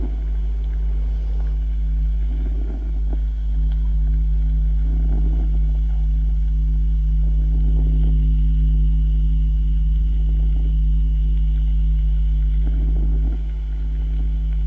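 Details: Diminished vesicular breath sounds.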